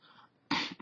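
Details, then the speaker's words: Vocal tic in a man with Tourette syndrome (also motor tics, touching compulsions): after a quiet moment, a sudden sharp, noisy throat burst breaks out, a simple vocal tic. "Another issue is that I have Tourette syndrome. So I twitch, and I'll do, you know, I'll make noises, and I'll have to touch things certain amounts of times, and I'll have to do a bunch of other things."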